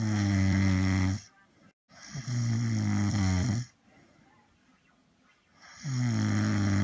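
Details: Snoring from a compilation of sleeping people: loud, deep, rattling snores with pauses between breaths.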